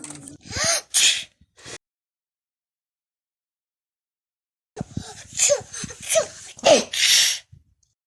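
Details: Child asked "how do you sneeze" imitating sneezes on request: several short, hissy, breathy bursts before and after a pause.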